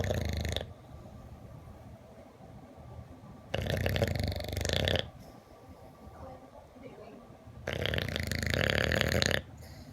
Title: Bulldog snores